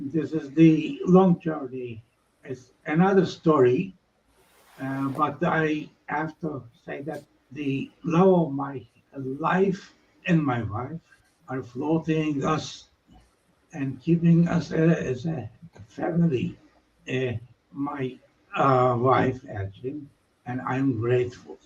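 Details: Adult man living with ALS for over 30 years, with quadriplegia (moves only his head), speaking while on a ventilator: speech in amyotrophic lateral sclerosis.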